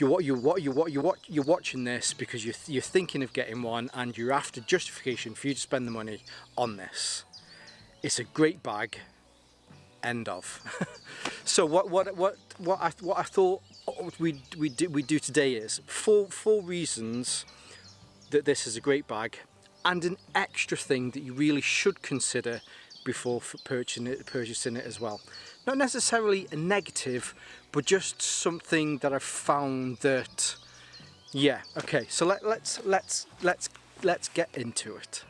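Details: Stuttering in an adult man whose stammer is linked to his anxiety; he takes propranolol, which he says has helped, and the stammer is lingering but improving, easier when talking on camera.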